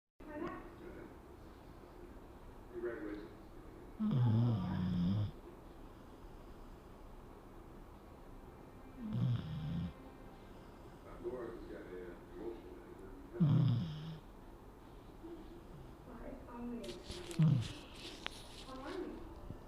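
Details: Sleeping dog snoring: low rumbling snores roughly every four to five seconds, about 13 breaths a minute, over faint room noise.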